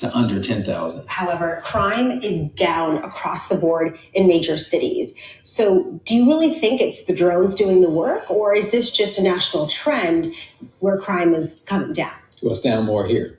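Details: Adult speakers, interview exchange; normal speech.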